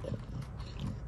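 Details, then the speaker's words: Infant after an anaphylactic reaction, in a hospital emergency observation unit while eating cereal. Lungs and oxygen were reported fine, but low, rattly, snorting breath noise from mucus is heard: congested breathing. "chew it up you guys can kind of hear the breathing still they said his lungs sound good his oxygen sounds good but there's still like mucus and stuff that you can hear"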